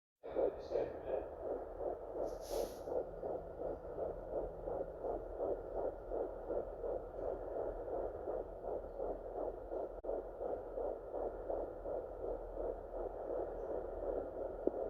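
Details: First-time home fetal Doppler use, heartbeat found after about 8 minutes of searching: rapid, regular whooshing pulses of a fetal heartbeat at roughly 165 beats a minute.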